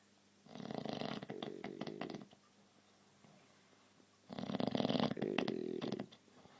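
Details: Big-headed dog snoring loudly like a motorbike while asleep: two long, rattling, throaty snores with a revving flutter, separated by quiet pauses.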